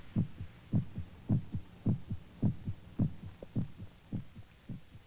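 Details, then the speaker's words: Regular low paired thumps at about 105 per minute, presented in a 1949 science film as one's own heart pounding against the ribs heard in silence; normal heartbeat. "the sound of our heart pounding against our ribs"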